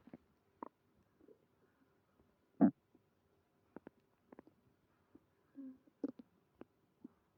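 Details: Stomach growling with stomach pain after eating creamy pasta: scattered short gurgles and rumbles from the belly in a quiet room; borborygmi.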